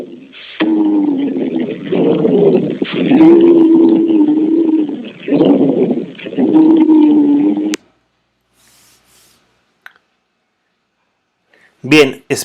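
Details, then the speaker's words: Wheeze heard through a stethoscope, from airways narrowed as in an asthma attack or airway inflammation: low musical whistling over several breaths. "Normalmente se va a escuchar una sibilancia y la sibilancia tiende a escucharse de la siguiente manera"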